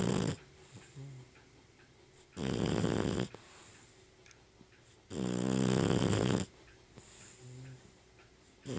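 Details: A sleeping dog snoring loudly: loud, rattling snores about every three seconds with quiet pauses between them.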